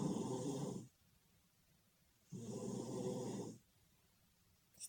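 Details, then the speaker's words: Adult man snoring during sleep, recorded by his partner: two loud, coarse, rumbling snores about a second long separated by quiet pauses, likened to an elephant with something stuck in its trunk. "It's doing my fucking head in. It's going to end up with a pillow over his bloody head in a minute. Sounds like an elephant that's got something stuck in his trunk."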